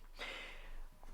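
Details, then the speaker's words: Faint background snoring from sleeping chihuahuas, heard as a single quiet, rough snorting breath during a voiceover: snoring. "okay the chihuahuas are now snoring I apologize if you can hear it"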